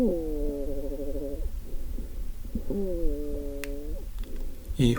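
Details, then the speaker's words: 55-year-old man with lung cancer, tracheal stenosis and severe breathlessness: loud, harsh, high-pitched musical sounds with each breath; stridor. "호흡은 스트리도이고 트라키알 스테노시스가 있는 런캔서 환자의 호흡음이었습니다."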